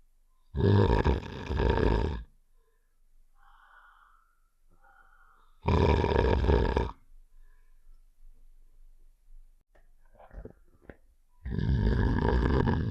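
Loud, rough, rattling snores of about one and a half seconds, separated by quiet pauses; a sound-effect imitation of snoring.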